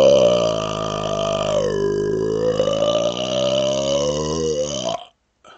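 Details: One long, loud, sustained voiced burp lasting about five seconds, rising and falling in pitch; a deliberate smoky burp.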